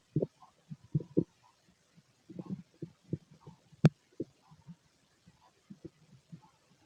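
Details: Stomach growling in a man during normal digestion: irregular low gurgles and rumbles coming in bursts as gas and fluid move through the gut; normal bowel sounds (borborygmi).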